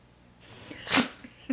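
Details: Pet dog having repeated sneezing bouts, which the owner calls itchy: a single short, sharp, hissing sneeze amid quiet room noise; sneezing.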